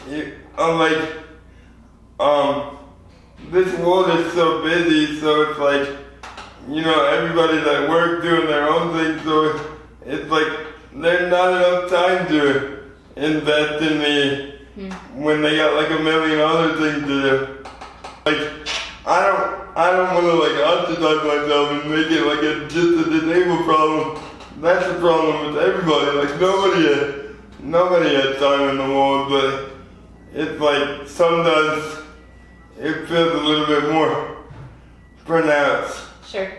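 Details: 24-year-old man with lifelong spastic quadriplegic cerebral palsy from premature birth at 2 lb 4 oz; dysarthria.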